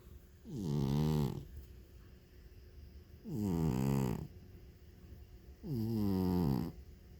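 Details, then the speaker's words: Deep, buzzing snores, about 23 a minute, each with rising then falling pitch, from Leo, a sleeping feral cat; loud cat snoring. "Boy, was she snoring loud. You're getting quiet now. I told Leo he snores in his sleep and he doesn't believe me, so I have to film it."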